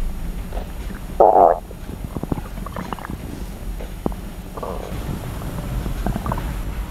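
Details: Stomach growling (borborygmi) recorded close-up for ASMR: sloshing, crackling gurgles and low rumbles from the belly, ordinary bowel sounds, over a steady background hum.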